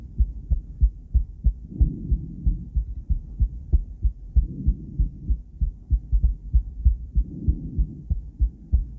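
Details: Female heart recorded via ultrasound transducer, combined with ECG: regular low thumping heartbeat at about 95 beats a minute, with a soft whooshing flow sound between beats.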